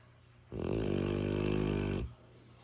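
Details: Snoring in a sleeping mastiff: one long, steady, deep rumbling snore with a smooth buzzing tone.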